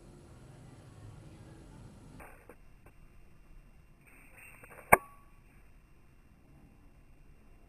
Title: Cat Sneezing (original)